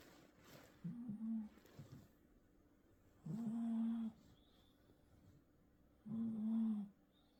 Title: how loud can one cat snore